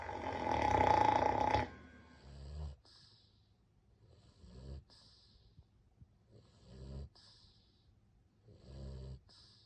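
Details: Dog snoring after being run over by a truck: after a brief loud noise, rhythmic low rattling snores alternate with soft hissing breaths, about 27 a minute.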